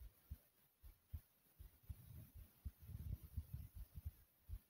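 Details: Rapid heartbeat with heavy breathing after a lot of running in place; fast, deep heartbeat thumps with low whooshing breath noise, a quickened heart after hard exercise.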